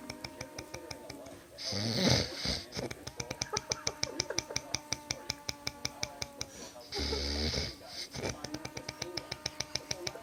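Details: Adult man's snoring, likened to a chainsaw: two loud, harsh, rattling snores over a fast rhythmic clicking noise in the room.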